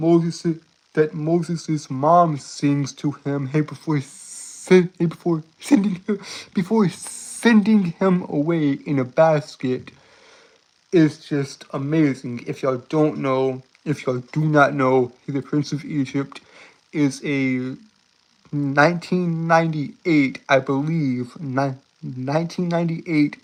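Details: Adult male with a self-described severe speech impediment causing stuttering and tripping over words; word and phrase repetitions; stuttering.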